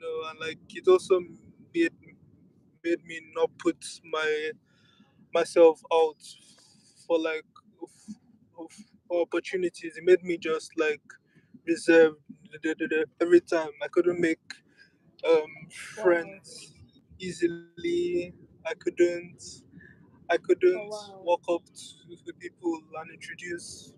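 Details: Adult speaker; stuttering.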